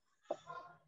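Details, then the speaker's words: Adult's stomach rumbling (borborygmi) from hunger before dinner: faint, brief bark-like gurgle with a short tonal tail in a quiet room. "pologize i know it sounds like a dog is barking but that's my stomach rumbling i haven't eaten dinner yet"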